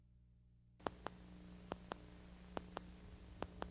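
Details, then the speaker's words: Needle EMG recording of artifact from a single and a dual cardiac pacemaker: sharp, regular paired clicks about 70 a minute over a steady hum, a steep positive deflection characteristic of pacemaker artifact. "Artifacts from a cardiac pacemaker or spinal cord epidural stimulator are characterized by a steep positive deflection. Watch and listen to the artifact from a single and dual cardiac pacemaker."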